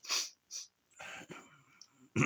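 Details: Adult sneezing fit with runny nose, possibly sinus-related: a run of short, sharp, hissing sneezes, then nasal breathing and a throat-clearing burst.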